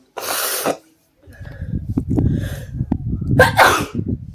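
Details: Sneezing challenge: a burst of sharp, explosive sneezes and sniffing, brought on by tickling the nose with paper.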